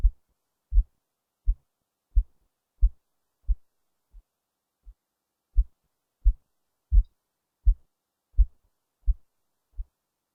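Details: Heartbeat recorded faintly under the left breast with a poor-quality mic: regular low thumps at about 86 beats per minute; normal heart sounds.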